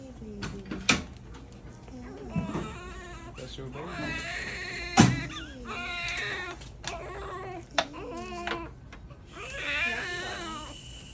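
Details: Short, thin, high-pitched cries and fussing from a newborn girl in the NICU after an unexpected C-section birth, mixed with adult voices and clatter in a busy room; newborn cry.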